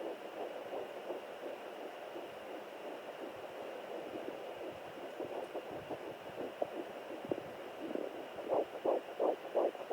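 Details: Fetal heartbeat on home Doppler at 9 weeks 2 days: rapid whooshing pulses at about 170 per minute, a normal fast early-pregnancy heartbeat.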